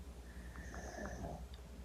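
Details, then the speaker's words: Gigi, a male dog sleeping in a quiet room, gives low, rumbling snores that are getting louder: ordinary snoring. "don't know well now you can hear gigi snoring he's getting louder he's in the zone gigi's own sleepy zone"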